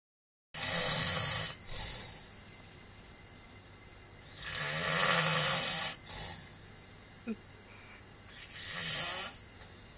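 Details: Subject described as a "black giant" caught asleep: loud, rough, rattling breaths about every four seconds with quiet gaps between; snoring.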